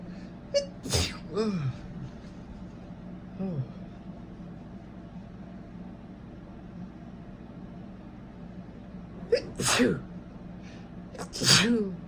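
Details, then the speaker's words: Three sharp, explosive sneezes, each with a brief vocal lead-in, from an adult man with a sniffly cold who sneezes more when ill; steady room hum in background. "So, we've moved into our own place, and unfortunately, my boyfriend got a cold. Fortunately for me. And when he does tricky with a cold, he sneezes a lot more."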